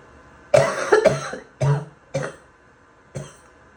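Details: Four to five harsh, loose, rattly, phlegmy coughs in quick succession with a barking edge; wet barking cough.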